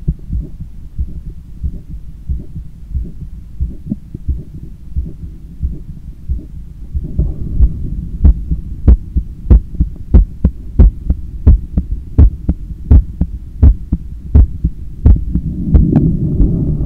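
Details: Stethoscope recording of own heart after a 10km run, lying on a daybed leaning on the left side while controlling breathing: strong, steady heartbeat about 90/min with breathing noise behind; normal heart sounds after exercise.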